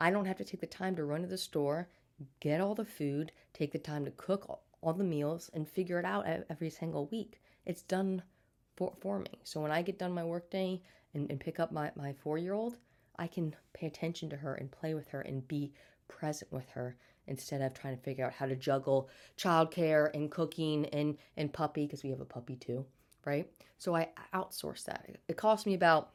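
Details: Adult woman with a stutter since birth, speech therapy throughout childhood, still stuttering day to day and getting stuck on words; audible repetitions: stuttering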